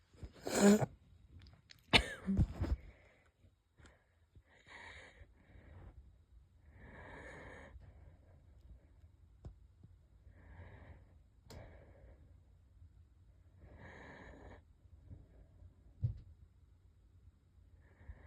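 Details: light wheezy coughs and a couple stifled sneezes, then breaths with a faint whistling wheeze; person unsure whether a cold is starting or asthma is flaring; wheezy cough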